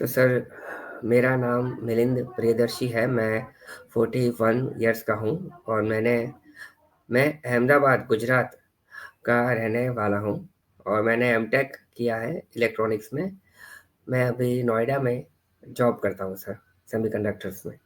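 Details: Mild residual stuttering in a 41-year-old man with previously severe stammering, who completed stammering therapy 6 years ago and still stammers on about 10-20% of his speech; he uses breathing and pauses while speaking.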